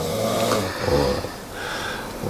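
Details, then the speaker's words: Man sleeping late at night, around 2 to 2:30 a.m.: loud, low, rattling snore on the in-breath, followed by a quieter, softer out-breath, snoring. "我根本无法入睡。为什么呢？因为对面有个在打呼的人，对吗？"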